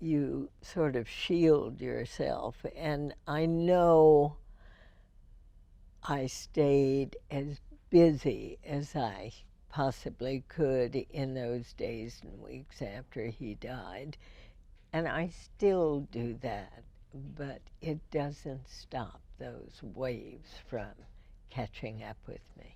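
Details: Real speech from a woman with spasmodic dysphonia, first diagnosed in 1998 and treated every four months with botulinum toxin injections into the vocal cords; finding: spasmodic dysphonia.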